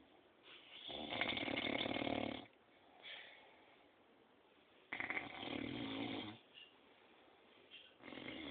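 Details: Elderly man (grandad) snoring very loudly: rough, rattling inhaled snores about every four seconds, roughly 15 breaths a minute, with quiet exhalations between; snoring.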